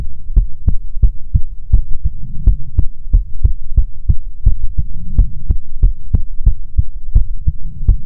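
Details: Heartbeat recorded for ASMR relaxation: steady, deep thumping beats at about 75 a minute over a low background hum; normal heartbeat.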